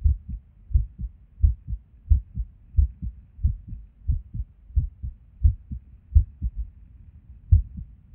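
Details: Resting heartbeat recorded at Erb's point while sitting at a desk, described as skippy lately: low paired heart sounds about 88 a minute with uneven spacing and occasional pauses, irregular rhythm with skipped beats.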